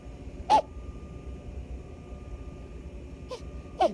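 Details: Newborn baby at 48 hours old in the NICU: three brief, abrupt squeaky catches over quiet room hum, newborn hiccups.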